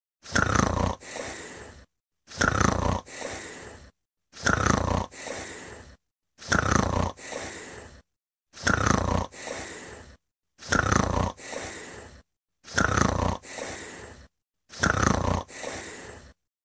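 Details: A person asleep snoring: loud, rhythmic, rasping snores with a two-part breath, about 29 a minute and very evenly spaced.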